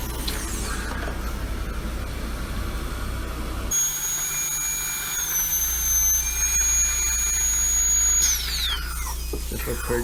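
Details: Steady high-pitched whine of a high-speed dental drill running then winding down, over room fan noise, in a ventilation/aerosol test while the patient breathes nitrous oxide; Cavitron and patient coughing also tested.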